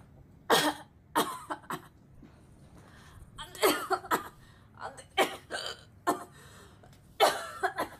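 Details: A young Korean woman coughing and hiccupping: about nine short, sharp, dry coughs in small clusters, with brief catches of breath between them.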